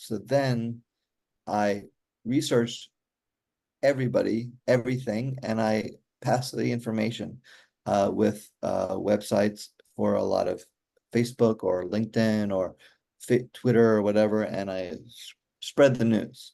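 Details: Aphasia in an adult man after a stroke during surgery in 2007 for hereditary mitral valve prolapse; he says communicating is still hard.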